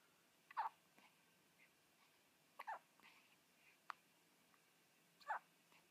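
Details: Seven-day-old newborn baby girl with hiccups, which stopped after her back was rubbed: four brief, sharp catching sounds about one to two seconds apart in a quiet room.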